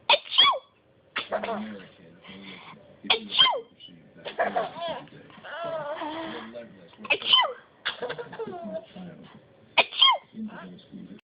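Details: Four sharp, explosive sneezes, each followed by a child giggling and laughing at the sneezer.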